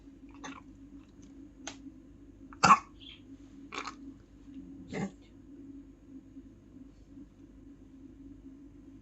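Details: Persistent cough in a dog, Charlie, keeping him from sleeping: several short, dry coughs or hacks about a second apart; he is taking three tablets a day.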